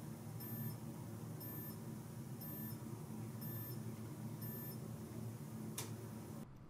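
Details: CheckMe BP2 Connect home blood pressure/ECG monitor in ECG mode during an adult's self-recording: five short high beeps about once a second, then a click, over room hum; result regular ECG, heart rate 73.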